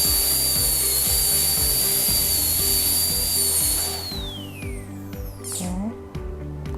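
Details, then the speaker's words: Steady high-pitched dental handpiece whine dropping in pitch as it spins down, over music, during a simulated endodontic access opening on a lower molar in a phantom head model, using a carbide bur or ultrasonic tip to locate the orifices. "di dalam melakukan eh pembukaan aks openening kita bisa dibant juga sama tip Ultrasonic dan bisa juga kita menggunakan bor suur karbida untuk mengetahui or ada di manaut"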